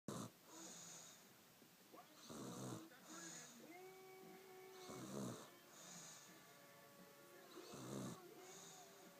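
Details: Snoring.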